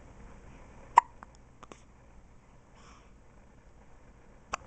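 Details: Newborn baby with hiccups, one of the first times outside the womb: two sharp, abrupt hiccups about three seconds apart, with faint clicks between, in a quiet room.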